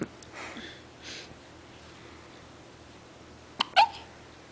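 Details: Remy hiccups: quiet room with faint breathy sounds, then a sharp hiccup jerk near the end, with a second one right after.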